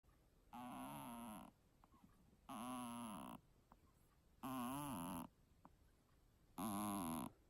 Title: Snoring kitten (with snot bubble!)